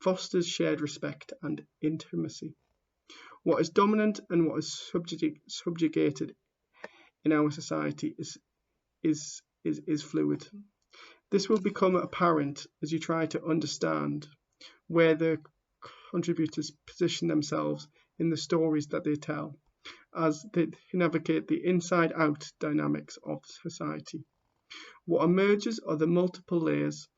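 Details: Stammering (stuttering) in a man who stammers, heard while reading aloud the introduction to his own book.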